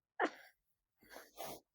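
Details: Sneeze from a young boy described as very sick: a brief sharp burst, then after a pause a two-part forceful expulsion, in a small quiet room.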